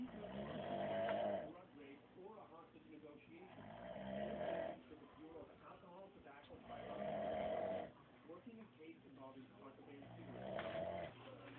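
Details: Snoring presented as a prank: loud, rumbling, buzzing snores on each in-breath, about 20 a minute, with quieter breathing between.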